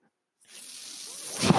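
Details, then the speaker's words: Mechanical ventilator of an adult man, heard as breathing noise while he talks during a podcast recording. "hello everyone my name is that noise you're hearing my ventilator and welcome to page-turners"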